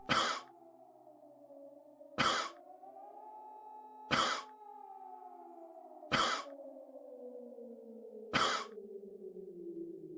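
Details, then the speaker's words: Meme sound effect, not a real recording: a coughing baby set against hydrogen bombs, with five single cough bursts about two seconds apart, roughly 30 a minute, over a steady tone. "Hydrogen bombs versus the one and only coughing baby. Who will win?"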